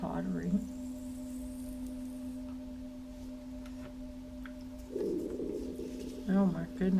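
A low, gurgling stomach rumble over a steady background hum, with short voice-like sounds near the end: audible stomach growling.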